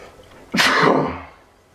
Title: ALLERGIES ARE MAKING ME SNEEZE LOUD AND SICKENING!!!!!!!!!! (awful pollen)